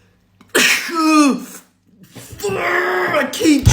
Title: I sneezed without closing my eyes!!